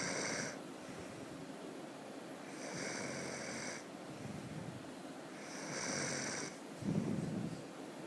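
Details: Person asleep snoring, possibly in a moving vehicle: three rasping snores on regular in-breaths, about 20 a minute, over a steady low rumble.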